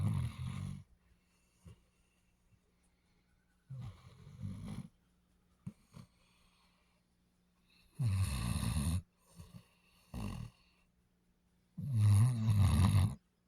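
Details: Basset Hound dog snoring in sleep: rough, rumbling snores about every four seconds with short snorts between, over a faint steady hum.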